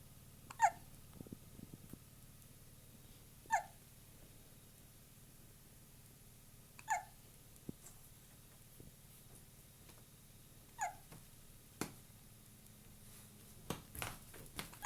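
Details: Hiccups: repeated brief, sharp hiccups, about 20 a minute, with soft rustling in a quiet room.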